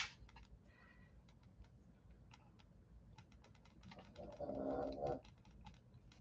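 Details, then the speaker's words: Resting pet gives one louder, rough nasal snort amid soft clicking and tapping sounds in a room; owner calls it snoring; snoring. "you hear the snoring that's my honey bun snorting"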